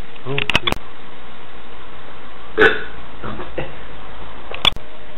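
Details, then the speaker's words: "Bacon burps": several short, low, gulping belches over constant background noise. "And now it's time for amazing bacon burps."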